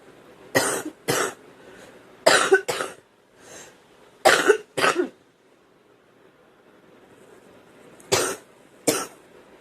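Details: Girl who smokes homegrown tobacco, saying it hurts and feels like something is in there: repeated short coughs, mostly in pairs, about eight bursts with quiet pauses, a recurrent cough.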